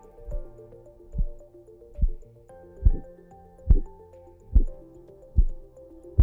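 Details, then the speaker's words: Korotkoff sounds of blood flow heard through a portable electronic stethoscope with an app while a blood pressure cuff deflates: regular low thumps about 71 a minute. "traditionally blood pressure is measured with a cuff and a stethoscope and the stethoscope is used to detect the sounds of blood flow during cuff deflation so-called korotkov sounds"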